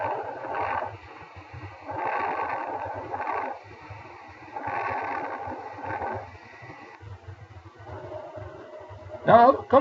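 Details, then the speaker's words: Normal vesicular breath sounds heard in a respiratory examination teaching demonstration: soft, rustling breath cycles with longer inspiration and fainter expiration. "before go to the uh other breathing sound you can hear that the this is the vesicular breathing sound"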